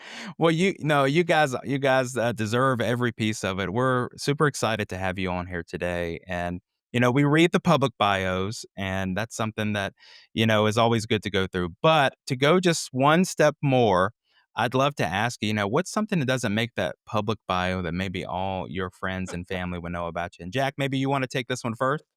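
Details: Adult male speaker; normal speech.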